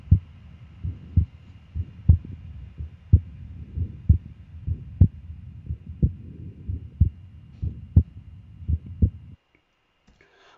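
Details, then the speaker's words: Regular heartbeat near 60 a minute with a harsh murmur lasting throughout systole (holosystolic) and described as radiating to the back: ventricular septal defect murmur. "entonces es un soplo que es o los históricos se presenta durante toda la sístole característicamente lo describen como duro y se irradia la espalda escúchelo"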